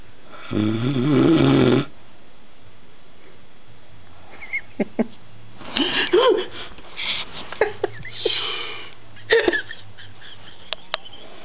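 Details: Adult husband snoring in sleep (he says he doesn't snore): a long rattling snore on one breath, then shorter irregular snorts and noisy breaths.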